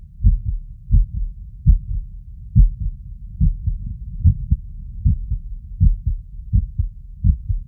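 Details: Heart sounds at the tricuspid area after physical workload, heard through the stethoscope membrane: low beats with uneven spacing between them; an irregular heartbeat, arrhythmia.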